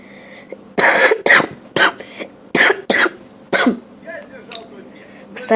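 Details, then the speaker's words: A run of about six harsh, loose coughs in quick succession with breathy sounds between, from a sick child who says his coughing comes on when he laughs. "Извиняйте за кашель, потому что я болею. Я уже об этом говорил в прошлом или позапрошлом видео."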